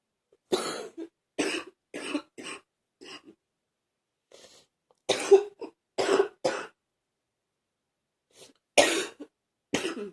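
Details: About nine deep, harsh coughs in bursts with short throaty tails in a quiet room, from a person who says they are feeling a bit better; ongoing deep cough.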